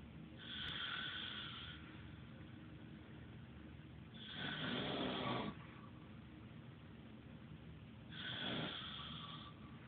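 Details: Man snoring: three slow, rasping snores about four seconds apart, roughly 15 a minute, over steady room hum.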